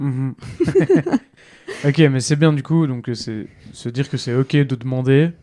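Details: Adult speaker; typical speech.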